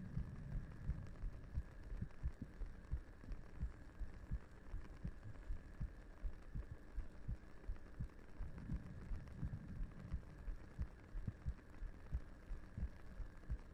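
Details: 3Dio binaural ASMR roleplay recording with a head resting on the listener's lap: soft, steady low thumps at roughly 85 a minute under a faint hum; regular heartbeat.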